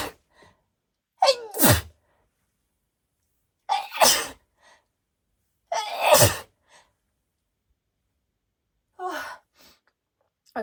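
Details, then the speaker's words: Four forceful allergic sneezes in about ten seconds, each with a quick intake of breath before the burst, then faint sniffs, set off by Valentine's Day flowers in a person who sneezes when exposed to flowers. "you can tell these are allergy sneezes because when I sneeze I sound so"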